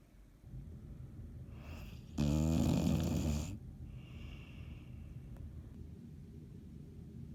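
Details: Snoring: one loud, rattling snore between softer breathing sounds in a quiet room.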